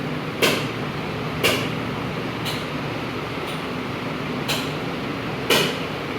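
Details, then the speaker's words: Sharp hammer-like cracks about once a second over a steady room hum: ESWL lithotripsy shock waves on a resting patient with an 11 mm left kidney lower-pole stone, suspected uric acid stone on ultrasound. "को डर लगता है कि शायद पता नहीं कोई हथौड़े मार रहा है। पता नहीं क्या हो रहा है।"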